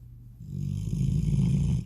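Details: Snoring: a low, rumbling, rattling snore that builds in loudness over about two seconds.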